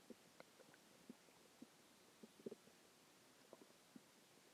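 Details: Faint scattered gurgles and clicks over a steady hiss, a few hours after a huge meal (cheeseburger, fries, three eggs, onion rings, cheese stick, chicken tenders); borborygmi, soft digestive sounds.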